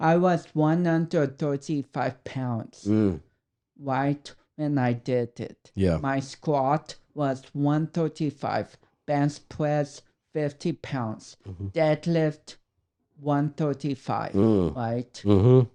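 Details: 32-year-old man with cerebral palsy, which he says affects the brain areas controlling speech coordination and walking; dysarthria (cerebral palsy).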